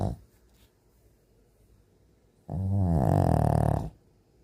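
A dog's loud, low rattling snore on a long breath in, after a quiet pause.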